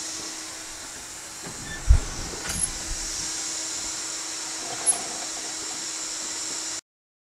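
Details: Homemade prototype breathing-assist machine (bellows ventilator) built mostly from found shop materials, with a mask cut from a two-liter bottle, running on vacuum power: steady motor hiss and hum with soft thumps and knocks.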